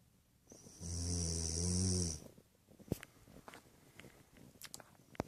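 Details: One long, loud, rattling snore on an in-breath from a person who insists they don't snore, then quiet room noise with a few faint clicks; snoring.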